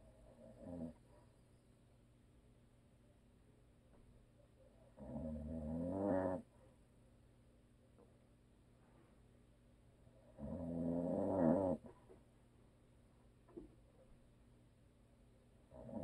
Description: My hubby snores and always will.